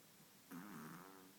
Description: Walter is a 5 month old, long hair chihuahua. Loves to snore.